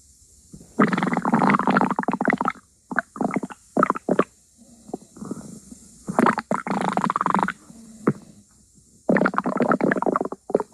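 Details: Stomach growling sounds (borborygmi).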